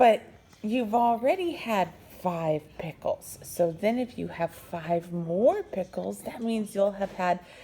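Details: Adult woman; typical adult speech.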